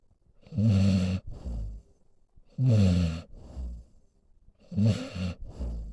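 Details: A senior male pit bull mix snoring while asleep: deep, rumbling snores at about 30 breaths a minute, each breath with a rough flutter.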